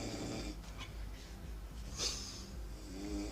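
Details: Person heavily snoring in sleep at night, keeping a bed partner awake: loud, rough rattling breath sounds with noisy, hissing breaths between them.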